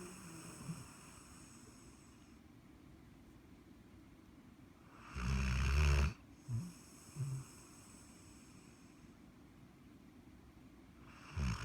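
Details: 1-year-old Walker hound sleeping: a loud, deep, rattling snore followed by short snorts; heavy snoring.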